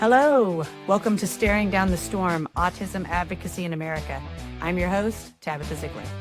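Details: Adult woman speaking; fluent speech.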